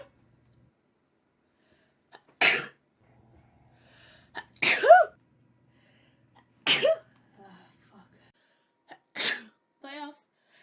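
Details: Female sneezing: four sharp, explosive sneezes in about ten seconds, each preceded by a brief inward catch of breath, with a short voiced sound after the last.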